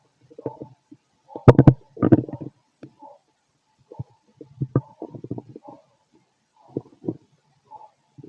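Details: Stethoscope auscultation of a fit adult male's abdomen: irregular low gurgles and rumbling growls in bursts; normal active bowel sounds, stomach growling.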